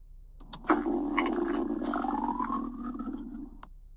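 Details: Drawn-out, gurgling groan with slowly rising pitch from a dog's digesting gut; ordinary stomach rumbling (borborygmi).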